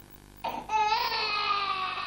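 A sustained, high, tonal infant wail lasting over a second, then a wavering restart; ordinary crying during airway-clearance chest physiotherapy.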